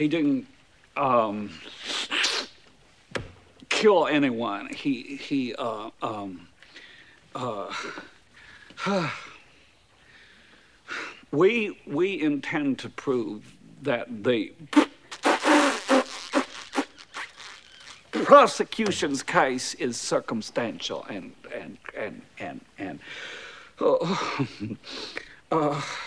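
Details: Severe stuttering portrayed by an actor in a 1992 comedy film; the character attributes it to nervousness.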